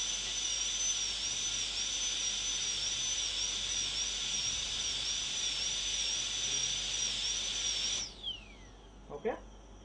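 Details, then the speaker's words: High-speed dental air-rotor handpiece cutting a molar PFM crown preparation, moving in one direction and lifting, extending interproximally without breaking contact; high-pitched whine wavering under load, then winding down and stopping. "the same direction lift come back okay you'll appreciate that from the sound that the aor makes see that I'm lifting"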